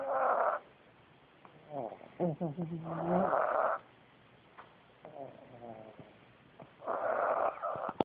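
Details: Pugs sleeping on a bitter cold day: rasping snores with snorts and wheezy whistling sounds from flat-faced dogs; noisy snoring.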